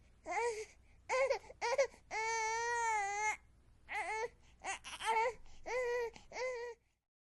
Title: Qatar Baby Crying - Sound Effect